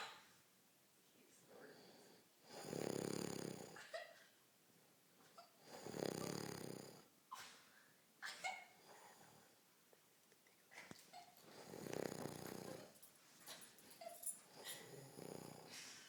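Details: Loud snoring from a sleeping man: loud rattling snores with each breath in, about four breaths over sixteen seconds, with quieter breathing between.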